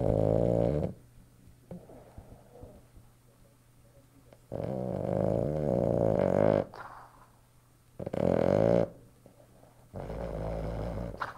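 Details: Loud, rattling snores in four bursts about every three to four seconds, with quiet pauses between, from a sleeping Boston terrier: snoring.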